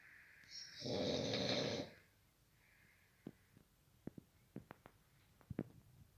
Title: Very Danger Snore